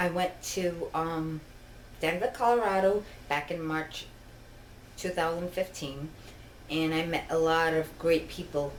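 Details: Adult woman with genetic ataxia (Machado-Joseph disease, father also affected), diagnosed in 2000 and disabled since 2013, which impairs her balance, eye movement and speech, with double vision; ataxic dysarthria.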